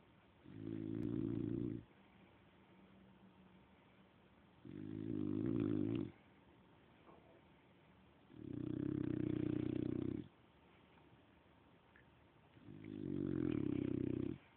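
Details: Four regular low, buzzing snores about every four seconds, roughly 15 breaths a minute, quiet between; snoring in a sleeping dog.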